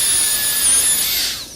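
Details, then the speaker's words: High-speed dental handpiece cutting 1 mm occlusal depth holes in a dentiform mandibular molar during a complete cast gold crown preparation: a steady high-pitched drill whine that fades at the end. "Initially, it may be easier to place some depth holes in the occlusal surface. Typically, these are placed in the central pit and are roughly 1 millimeter deep."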